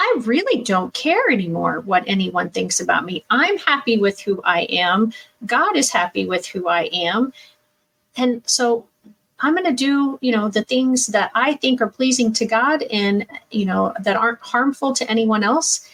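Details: Adult woman speaking; ordinary speech.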